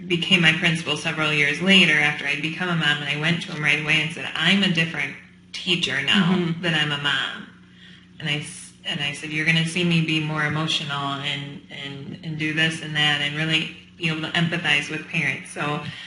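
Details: Adult woman speaking; normal speech.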